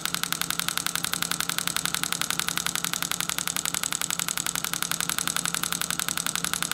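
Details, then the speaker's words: Storz MP200 radial shockwave therapy for plantar fasciitis, from the calcaneal tuberosity along the fascia: fast, very regular loud mechanical ticking from the handpiece; radial shockwave device. "today we are going to demonstrate to you the treatment of plantar fasciitis using the stallers MP 200 shock wave therapy machine"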